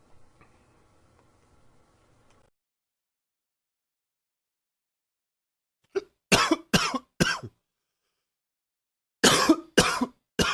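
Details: Faint room noise, a pause, then two runs of sharp, harsh coughs, about six bursts in all, suggesting an irritated airway.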